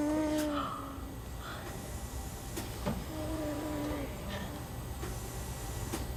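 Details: Infant vocalization with a Passy-Muir speaking valve in line, from a boy with Werdnig-Hoffmann disease who has a tracheostomy.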